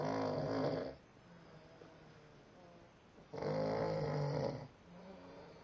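Two long, loud rattling snores with quiet breathing between; rhythmic snoring during sleep.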